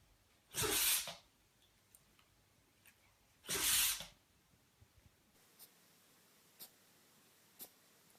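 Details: Two sharp, hissy bursts of air about three seconds apart, then quiet; sneezes from a small animal.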